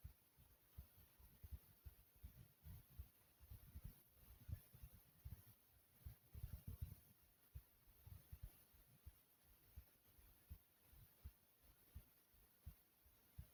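Soft, low, regular heart thumps at a slow pace, roughly 50 beats a minute.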